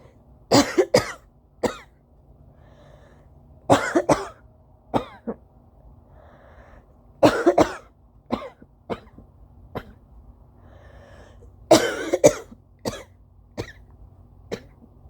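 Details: Early-morning (almost 5 AM) allergy coughing fit in an adult: repeated dry, harsh cough bursts in clusters with nose-blowing and nose honks between them.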